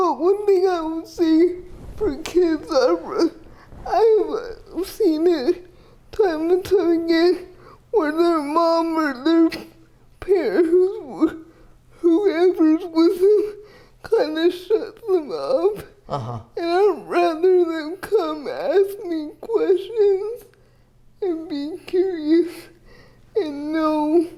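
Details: Dysarthria in a 30-year-old woman with GMFCS level 4 cerebral palsy, quadriplegia with an athetoid component; speech is somewhat hard to understand because CP affects her muscles.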